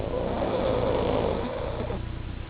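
Steady low rattling snore from sleeping flat-faced dogs; ordinary snoring noise.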